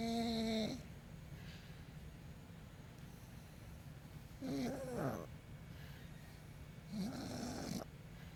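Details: Pug that fell asleep during a deep tissue massage, snoring: loud, rattling snores, about three in eight seconds, with steady room noise between; snoring.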